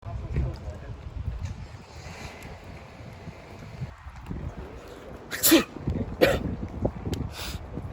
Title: Corona Sneeze